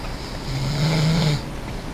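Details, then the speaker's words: Person lying down snoring: a single low, droning snore about a second long over steady background rumble; snoring. "So I'm just laying here doing this. And snore up some."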